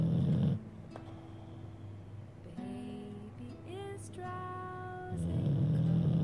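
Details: Sleeping American Bulldog gives a low, rattling snore at the start and end, with a soft music-box lullaby playing between; snoring.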